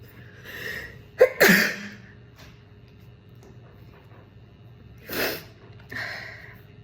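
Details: Girls sneezing during Covid-19 nasal swab tests, sneezing induced by nasal swabbing: two sharp, explosive sneezes, each preceded by a quick indrawn breath, with softer breathy sounds after.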